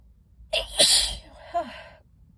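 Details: Allergic sneezing fit triggered by dust from library books: a quick inward gasp, then one forceful sneeze and a short trailing voiced breath.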